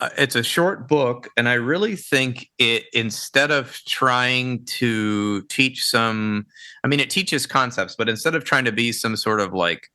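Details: Adult man speaking; ordinary speech.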